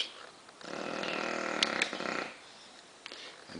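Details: Exhausted female bulldog lying sprawled out asleep with her tongue hanging out, snoring loud enough to drown out the TV: one long, loud, rough snore with a fluttering buzz, then quieter breathing.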